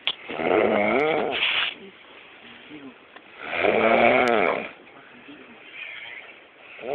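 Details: Very tired person snoring very loudly and hard: loud, rough, rattling snores on each breath in, about two in seven seconds, with quieter breathing out between, over music.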